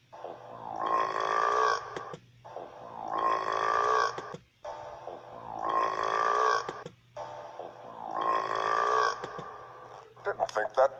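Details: Four long, drawn-out voiced burps in a row, each about two seconds, with brief pauses between; prolonged belching.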